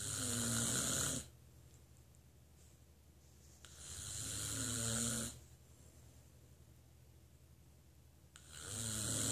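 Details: Loud rattling snores on each in-breath with quiet pauses between, about 15 breaths a minute; ordinary snoring.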